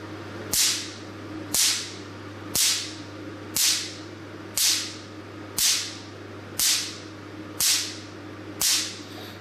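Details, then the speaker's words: 600-picosecond tattoo-removal laser test-firing into a plastic bag, stability test from low to high spot size: nine crisp, loud snaps about once a second over a steady hum, crispness indicating very short pulses; picosecond laser pulses. "it's very class poor to start where Christ for and very loud it means the post was very short if the machine can reach this post wise six hundred picoseconds it won't be started like this"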